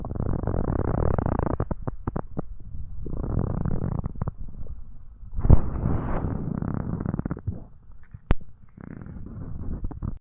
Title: stomach growling